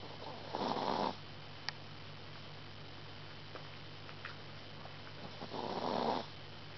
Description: Our Shi-Tzu/Lhasa Apso cross Chewy fell asleep and is snoring his head off!